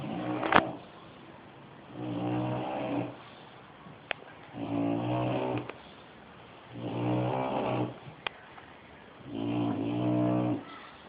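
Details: Sleeping bulldog snoring: loud, rattling, regular snores, about 12 breaths a minute, each lasting about a second with quiet pauses between.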